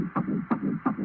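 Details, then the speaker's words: Rapid, regular whooshing fetal heartbeat, about 165 per minute, played back from Doppler ultrasound of an unborn child shown as a court exhibit; witness confirms it is a heartbeat; fetal heart tones. "I think we've heard it so the sound we were listening again is what there's a heartbeat"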